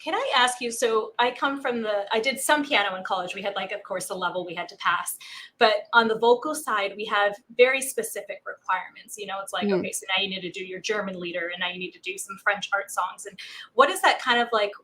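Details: Adult woman speaking; Normal speech.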